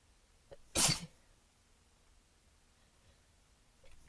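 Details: A female (f) takes a brief intake of breath, then gives one sharp, muffled burst of air held back behind closed lips, then quiet; a messy stifled sneeze.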